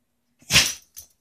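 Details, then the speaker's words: Australian Cattle Dog sneezing on command as a trick: a sneeze. "can you sneeze"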